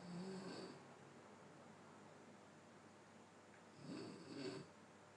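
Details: Person snoring during sleep: soft, rough snoring breaths, two in five seconds, with a faint snort-like catch; ordinary snoring.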